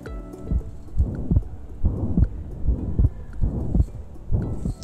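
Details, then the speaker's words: Simulated pansystolic murmur programmed on a skills-lab simulator, auscultated at the mitral area at about 73 beats a minute: the murmur starts with S1 and merges into S2 so they cannot be told apart, a holosystolic quality. "the murmur starts with the first heart sound, merges with the second heart sound. We cannot differentiate between S1, S2. It's a holosystolic quality."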